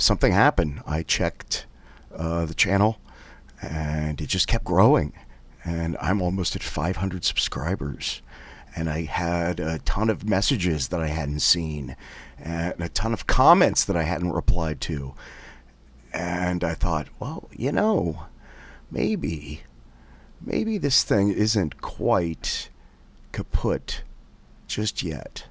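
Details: Adult male with spasmodic dysphonia (laryngeal dystonia), a little over 6 months after successful vocal cord polyp surgery; less raspy than before but condition persists, self-rated severity about 3 versus 12 previously; spasmodic dysphonia.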